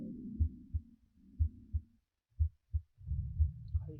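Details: Simulator recording at the tricuspid area with heart sounds switched on: regular paired heart sounds at 60 beats a minute with soft breath sounds behind them; normal heart and breath sounds.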